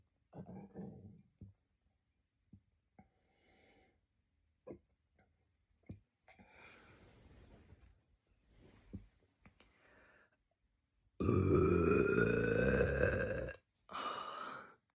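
Quiet swallowing and small throat sounds, then one long, loud, low belch. Burping.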